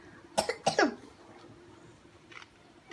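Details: Sick child with a cough, told not to eat sweets: two quick coughs in close succession in a quiet small room.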